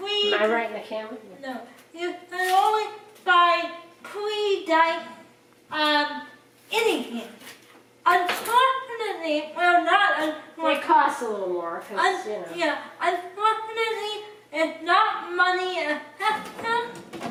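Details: Woman with cerebral palsy who cooks with limited help; dysarthria (cerebral palsy).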